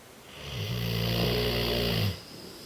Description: French Mastiff Sophie sleeping & snoring